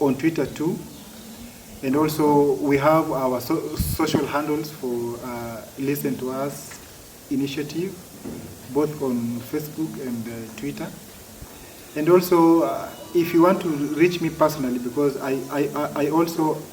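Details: Adult man who has stammered since childhood, for as long as he can remember; stuttering.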